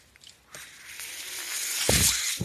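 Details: Noise of the speaker's own mechanical ventilator heard while he records a podcast: mechanical ventilator breathing cycle.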